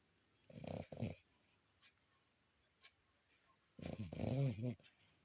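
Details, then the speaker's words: Sleeping puppy, possibly dreaming of chasing rabbits, snoring: two short nasal snorts, then a quiet pause and a longer rumbling snore. "Think you're snoring and chasing rabbits at the same time."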